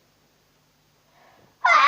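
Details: Recorded while two sisters make slime and billed as the loudest sneeze ever: a soft indrawn breath, then a sudden loud explosive sneeze.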